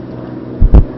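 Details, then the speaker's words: Normal equine heart sounds (S1 and S2): low lub-dub over steady background hum, stethoscope far forward under the triceps above the elbow. "after a brief trot her heart rate is increased to about sixty beats per minute I'm hearing lub-dub lub-dub lub-dub lub-dub"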